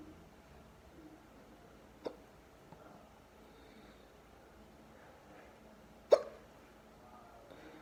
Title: Deep hiccups